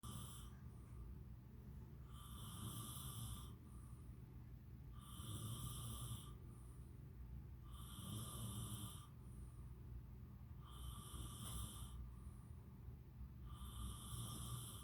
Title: "Snore Festival"